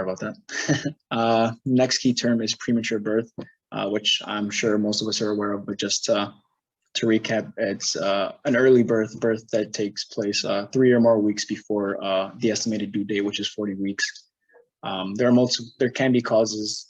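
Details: Adult male presenter; normal speech.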